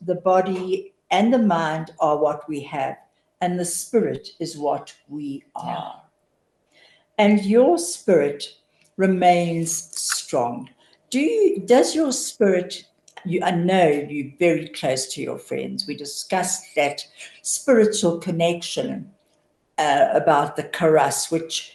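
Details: Adult speaker; typical speech.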